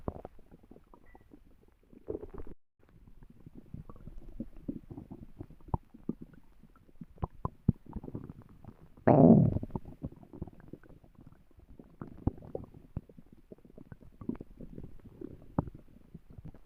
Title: My stomach growling